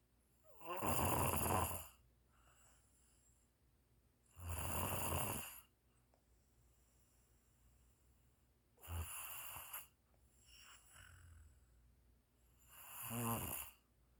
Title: snoring June 2022